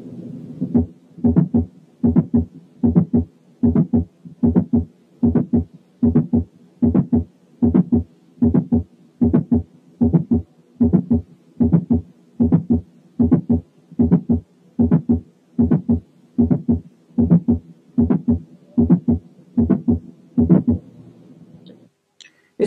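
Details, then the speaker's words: Mid-systolic click: regular heart sounds at about 75 a minute, with a sharp click in mid-systole well after the first sound rather than right after it. "إنما جاي في وسط السيستلي، عشان كده اسمه ميد سيستوليك كليك، وده بيتواجد في حالات البرولابس أوف دي ميترال فالف."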